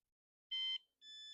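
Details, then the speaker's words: Medtronic deep brain stimulation recharger in an adult with Parkinson's: two electronic beeps as it is moved off and placed back over the implant, charging resuming. "off my implant. It starts beeping. That's probably really loud to you, but then goes back here."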